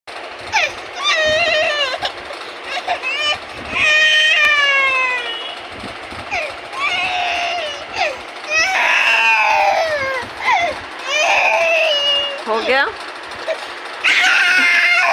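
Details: A baby fusses and cries in high-pitched bursts with rising and falling wails over a steady background hum: infant cry.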